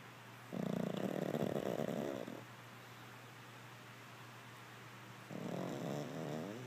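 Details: Chloe, a flat-faced Pug, passed out asleep, gives two long, buzzing, rattling snores with a quiet gap between.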